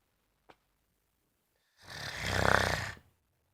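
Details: Pet dog sleeping and suddenly snoring loudly: a single loud, rattling inspiratory snore after a quiet pause; dog snoring.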